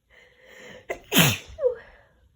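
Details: Female sneezing with a head cold: a quick indrawn breath, then one forceful, wet-sounding sneeze and a softer sound after it.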